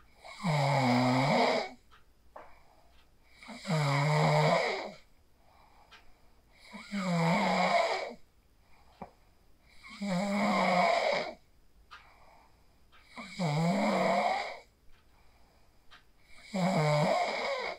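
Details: Phone recording of a sleeper after practicing the 4-7-8 breathing technique: six steady, loud, vibrating snores at about 19 breaths a minute with quiet breathing between; snoring during sleep.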